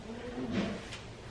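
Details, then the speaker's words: A goat sneezing out hay after shoving its whole face into hay at feeding: a low, rough snort followed by a brief, sharp nasal burst. "the sound of hay sneezes they're so funny they shoved their whole face in the hay"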